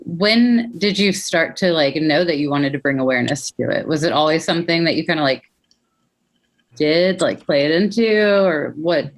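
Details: Adult speaker; normal speech.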